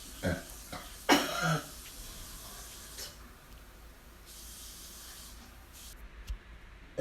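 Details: A woman vomiting at a bathroom sink: a few harsh cough and retching bursts, then hissing running water and quiet room noise.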